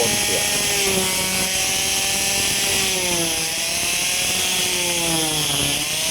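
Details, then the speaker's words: Continuous loud, high buzzing motor whine with shifting pitch: an oscillating cast saw cutting through a short arm cast, blade vibrates so it won't cut skin; orthopaedic demonstration for medical students. "เครื่องตัดจะทำงานในลักษณะของการสั่นดังนั้นเมื่อใบเลื่อยไปสัมผัสผิวหนังของใครจะไม่บาดเข้าไปในผิวหนังของไข้ก็อ่าตรวจเครื่องตัดเสียบครับ"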